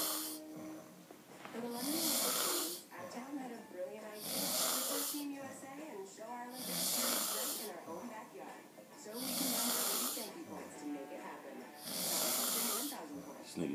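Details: Person snoring after a long night in Vegas: regular loud, rough snores about every two and a half seconds, with faint music or voices behind; snoring during sleep.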